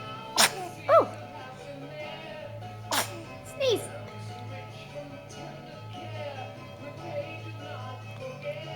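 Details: Two sudden, sharp sneezes from a child, each followed by a short voiced sound, with music and a low hum in the background.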